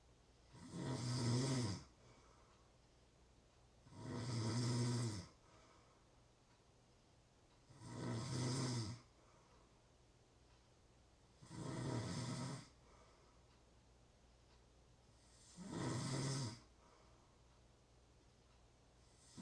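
Steady, regular snoring on each breath in, about 15 breaths a minute, with quiet pauses between: ordinary snoring.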